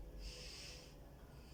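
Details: School-age girl inhaling and exhaling through her nose on instruction during chest auscultation: a single soft, hissing nasal breath with no wheeze or crackles, normal breathing.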